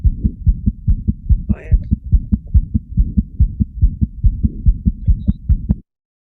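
Fast, regular newborn heartbeat at about 143 a minute, a teaching example of patent foramen ovale.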